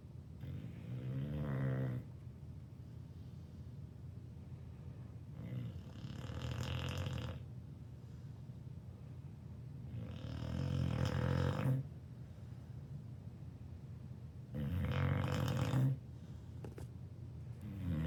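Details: Two-year-old dog snoring like a chainsaw in heavy sleep: loud, rough, rattling, buzzing snores in long drawn-out breaths, about four in eighteen seconds.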